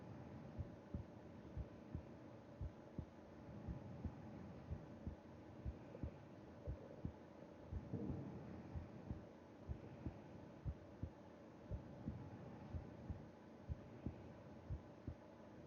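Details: Heartbeat heard with ear against chest during sleep: steady soft beat about 60 a minute with faint slow breathing behind it; normal resting heart sounds.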